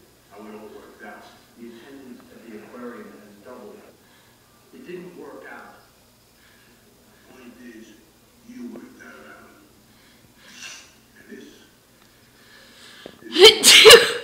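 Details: Soft talking, then one sudden loud sneeze from an adult at the very end, with the owner's cat objecting to the sneezing.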